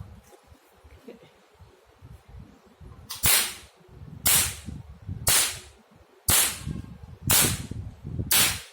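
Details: Sharp snapping cracks about once a second, six in a row, from a 1064 nm laser handpiece test-fired via foot pedal on a multifunction OPT/RF/laser machine, for dark pigment and tattoo removal.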